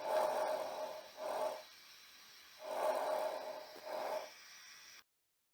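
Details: Normal breath sounds: soft, even breath sounds through a stethoscope, two full cycles with inhalation longer than exhalation.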